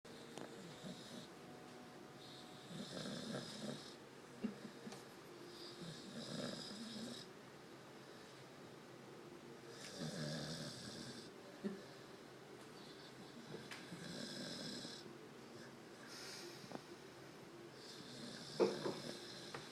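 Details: A tired black dog sleeping, with soft, rattling breathing noises recurring every few seconds in a quiet room: gentle snoring.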